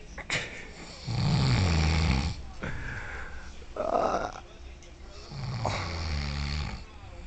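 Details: A sleeping adult roommate snoring at night like a chainsaw: loud, rattling inspiratory snores, two long rough rumbles a few seconds apart.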